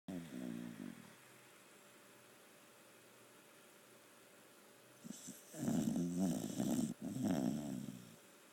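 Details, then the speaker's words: A sleeping female dog in a quiet room: a short snore, a quiet pause, then two rough, throaty snoring breaths close together; ordinary snoring. "not very ladylike at all you're snoring your little snores oh poor SB little snoring"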